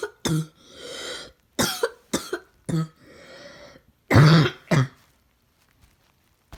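Several harsh, low, barking coughs with breathy gaps between them, the seal-like cough typical of upper airway swelling.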